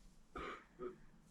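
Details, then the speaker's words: Cough from an adult woman still sick with an illness shared by the household, heard in the background; cough. "You hear that cough over there? That's my sister-in-law. She's still sick."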